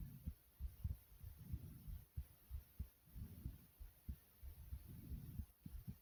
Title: My Heartbeat Recording